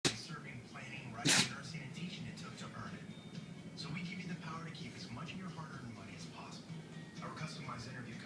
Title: Sneezing puppy